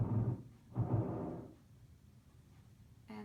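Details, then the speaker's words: Simulated pleural friction rub on a SAMII simulator: a slow, grating, rubbing sound on each breath in and out, likened to a balloon rubbing against a shirt, from inflamed pleura; described as painful. "some people say that that sounds like a balloon rubbing against their shirt a grading sound"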